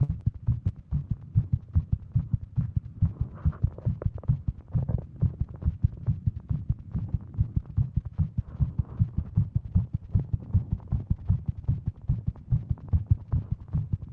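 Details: Female with Wolff-Parkinson-White syndrome, sitting at desk; Apple Watch read heart rate over 150; rapid pounding heartbeat about 150/min; tachycardia.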